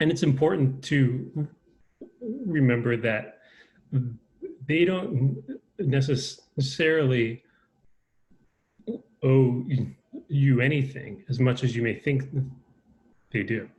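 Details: Adult man with lifelong stuttering.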